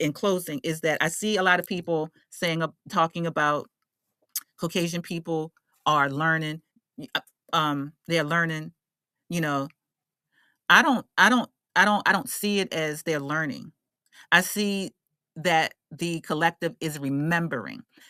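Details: Adult woman who identifies as a stutterer and works on her speech confidence, with repeated words and phrases; stuttering.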